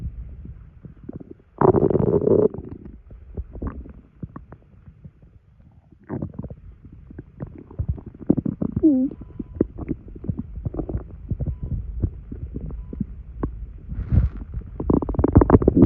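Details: Stomach noises in an adult after drinking two sodas' worth of carbonated liquid: irregular gurgles, bubbling pops and a rising squeal; bowel sounds.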